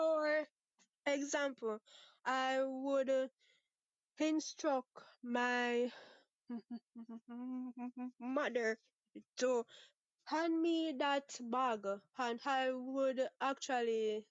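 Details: 23-year-old Jamaican woman who has stuttered (stammered) since about age six, with father and sister who also stutter and no speech therapy ever; part-word and whole-word repetitions audible; stuttering.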